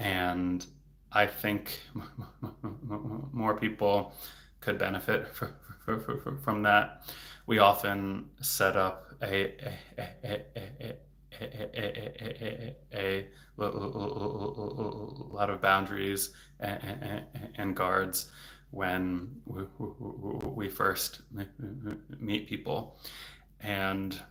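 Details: Adult man, a speech-language pathologist, who stutters; stuttering.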